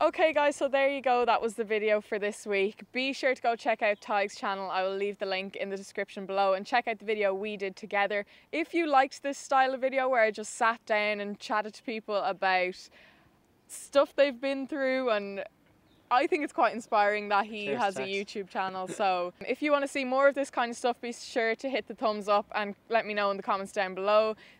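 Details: Adult speaker; normal fluent speech.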